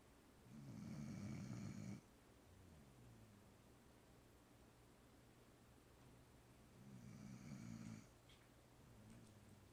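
Two low, buzzing snores on the in-breath about six seconds apart, with soft breathing and a faint hum in between.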